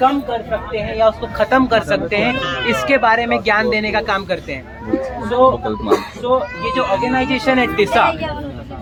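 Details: Man who stammers, a member of a stammering self-help group, speaking Hindi during speech practice on a train after a communication workshop; stuttering.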